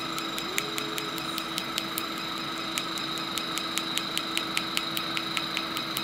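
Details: Discovery PICO picosecond laser tattoo removal with a DESCRIBE PFD patch, test spots on a tattoo: rapid, fairly regular sharp clicks, about 150 a minute, over a steady machine hum as the laser fires.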